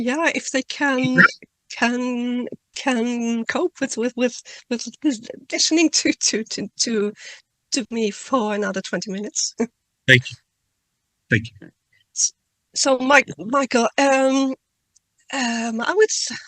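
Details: Adult woman who stutters, reading a prepared talk aloud, with word and part-word repetitions: stuttering.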